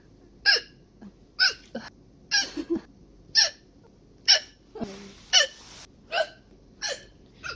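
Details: A Chinese girl hiccups: a series of short, sharp, high-pitched gulping catches about every two seconds, somewhat irregular, over faint background noise.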